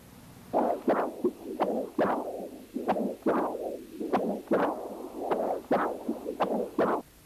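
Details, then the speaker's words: Repeated whooshing pulses with sharp clicks, about a dozen in seven seconds, on a teaching-exam Doppler recording after the tricuspid closing click; normal systolic flow in the right ventricle toward the outflow tract. "this systolic signal represents flow in the right ventricle towards the outflow tract"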